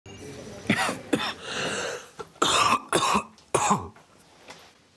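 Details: Adult patient in a GP consultation with a cough of a week and a half, now coughing up blood (haemoptysis), oxygen saturation 99%: a run of about five forceful, harsh coughs; chest X-ray planned.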